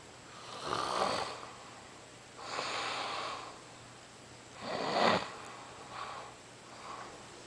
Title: da snore